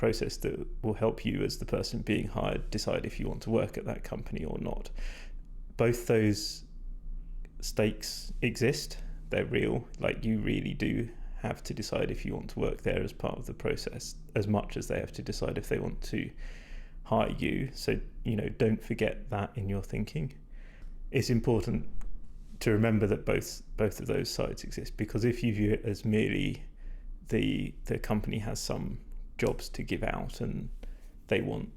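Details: Male speaker with vocal fatigue from prolonged talking without drinking enough, strained, creaky voice; he describes it as degraded, stressed and not at its peak condition.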